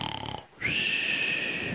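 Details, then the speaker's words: Comic mimicry of actor Dheerendra Gopal snoring while asleep, on a Kannada comedy show: a brief rattling snort on the in-breath, then a long high whistle on the out-breath. "ಆದರೆ ನಮ್ಮ ಧೀರೇಂದ್ರ ಗೋಪಾಲ್ ಅವರು ಮಲ್ಕೊಂಡು ನಿದ್ದೆ ಮಾಡ್ತಾ ಇದ್ರು ಗೊರಕೆ ಹೊಡಿತಾ ಇದ್ರು"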